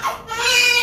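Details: Newborn, 3.5 kg, just delivered by normal vaginal birth attended by a midwife: a brief high-pitched wail, a normal first cry after birth.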